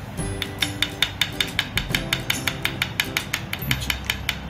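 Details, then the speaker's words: Dental implant placement into bone under anesthesia in an adult male patient replacing missing teeth: rapid, regular sharp clicking as the implant is driven in, firm clicks reflecting tight seating; background music. "శబ్దం వినగలిగితే ఎంత గట్టిగా implant ఎముకలో place అయిందో మీరు చూడొచ్చు. That's it, implant placement అయిపోయిందండి."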